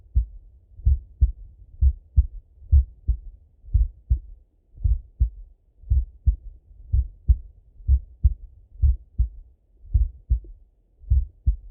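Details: Male full heart auscultation, recorded partly sitting at a desk and partly lying in bed: steady lub-dub at about 60 beats a minute, clear first and second sounds, quiet pauses; normal heart sounds.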